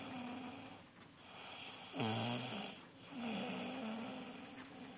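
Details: Rough, fluttering snores rising and falling with each breath, one louder burst in the middle, over steady room hiss; snoring.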